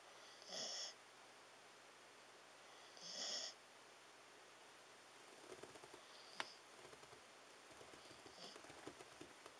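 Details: Snoring from a sleeping Siberian Husky: two soft, whistling nasal snores, then quiet rustling.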